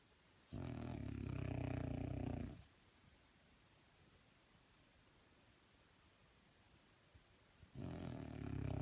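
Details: French Bulldog: loud, low, rattling snores on each breath, separated by quiet pauses; snoring typical of a flat-faced dog.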